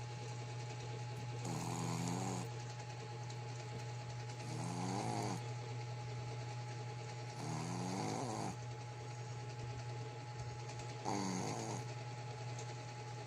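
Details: Snoring from a black Shih Tzu x American Pekingese pet dog: four regular, rattling snores at about 18 breaths a minute over a steady background hum.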